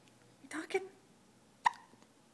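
Two or three brief, sharp hiccup sounds from an infant, each a quick catch with a soft voiced edge; ordinary infant hiccups.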